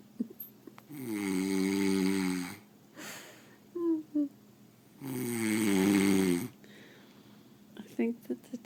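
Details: Heavy snoring in a sleeping person: loud, rattling snores on each breath in, about 15 breaths a minute, with quiet pauses between.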